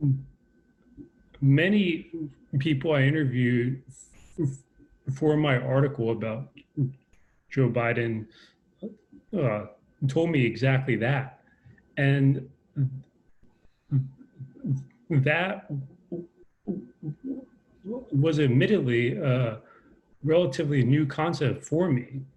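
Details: Adult man with a lifelong stutter, a real person who stutters, speaking in a conversation; stuttering.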